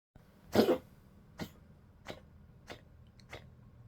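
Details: A 15-year-old female Poodle coughing: one strong harsh cough, then four fainter short coughs in under four seconds.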